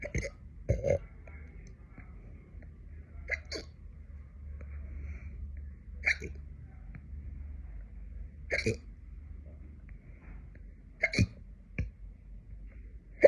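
Six sharp, brief hiccup sounds spaced a few seconds apart over quiet room hum; ordinary hiccups.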